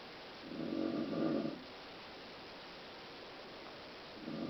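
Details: Mother snoring in sleep: a low, rumbling snore on the in-breath, followed by the start of the next one.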